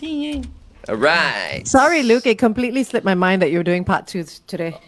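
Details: Adult speaker; normal voice.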